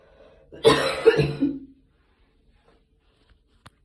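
A short run of three harsh coughs trailing into a throaty clearing, then quiet; a plain cough.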